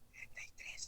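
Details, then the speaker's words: Teaching demonstration of whispered pectoriloquy: a brief whispered phrase like "thirty-three" heard clearly and distinctly transmitted through the chest wall, imitated; whispered pectoriloquy (imitated). "Y en este caso hablamos de la transmisión de la voz a través de la caja torácica eh de la voz cuchicheada en forma Clara y nítida"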